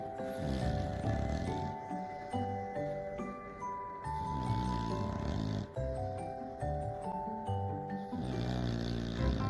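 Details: Sleeping English Bulldog that snores every time it sleeps: rhythmic low, rattling snores, roughly one every two seconds, partly masked by background music.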